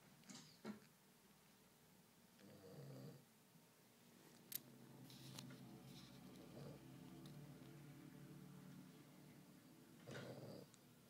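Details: Snoring during sleep: low, rumbling breaths recurring every few seconds, with quiet room noise.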